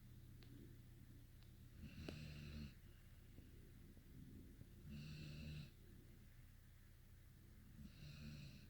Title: 5 month old Saint Bernard Sleeping and Snoring on her BullyBed